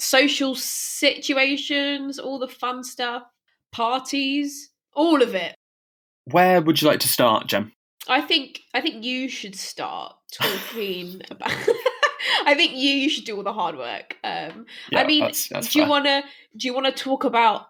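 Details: Stammering in a woman who stammers, speaking unscripted as a podcast host for a stammering association.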